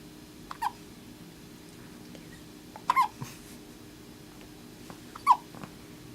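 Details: Dog hiccups: three short, abrupt hiccup sounds a few seconds apart, about 26 a minute; ordinary hiccups.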